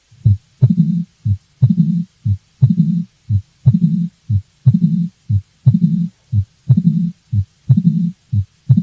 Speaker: so what you're going to hear is the first heart sound followed by a gap and then you will hear the second heart sound in an opening snap and after the opening snap you'll hear that diastolic Rumble murmur of mitr